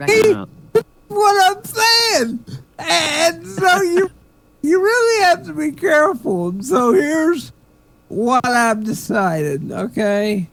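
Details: Male comedian who attributes his speech to cerebral palsy; dysarthria (cerebral palsy).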